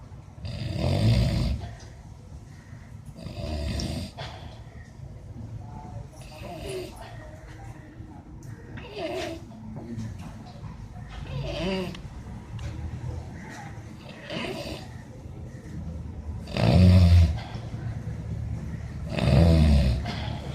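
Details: A person snoring during sleep: deep, rumbling, somewhat irregular heavy snores, about 23 a minute, with loud peaks near the end.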